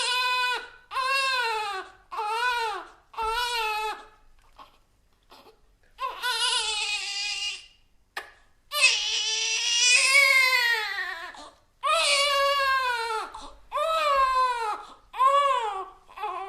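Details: Infant crying sound effect: repeated rhythmic wails, each about a second long, with brief pauses and a few longer bursts.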